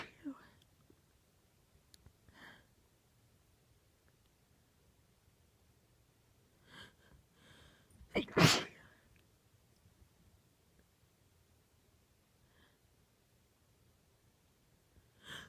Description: 18 f, sneezing into an old T-shirt, trying to be quiet. There were other people in the house. They were pretty powerful though, so it was hard to keep them quiet!